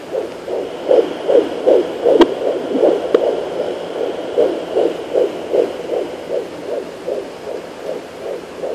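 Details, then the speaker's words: Fetal heartbeat on Doppler at 16 weeks 5 days: fast, regular whooshing pulses at about 150 a minute, with noise from the probe being moved and a very active baby boy kicking the Doppler. "this is me i'm moving so that noise is me trying to find his heartbeat but he keeps moving there's the heartbeat"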